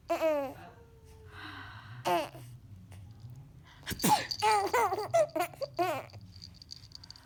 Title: Baby laugh at sneezing